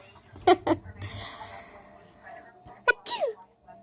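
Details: Baby sneezing, amid laughing: two quick sharp sneezes, then a pause and a louder sneeze trailing into a voiced sound.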